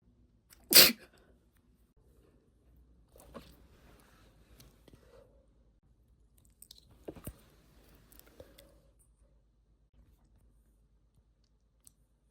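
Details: Female stifling a sneeze: one sharp, suppressed sneeze burst near the start, then quiet breathing and small movement noises.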